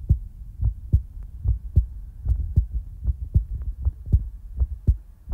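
Steady low lub-dub thumps at about 77 beats a minute, a normal heartbeat.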